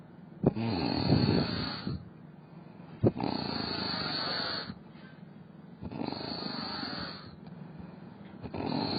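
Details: A fluffy cat sleeping in a weird position with its tongue moving: rough, rattling snores with each breath, about 23 a minute and somewhat uneven, with soft clicks between them; cat snoring.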